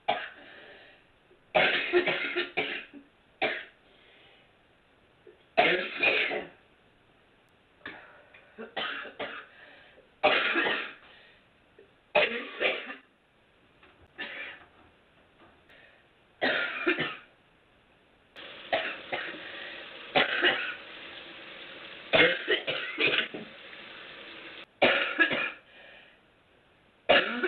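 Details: A mature woman who smokes cigarettes coughs repeatedly: harsh coughing bursts and throat clearing in short clusters, with quiet breaths and pauses between.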